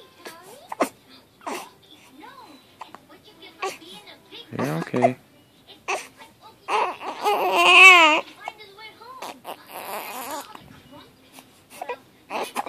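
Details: Short fussy cries and whimpers from a 3-week-old infant with hiccups, brief catches between cries, adult voices nearby: fussy infant crying.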